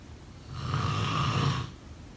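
A single low, rough, vibrating snore lasting about a second during sleep breathing.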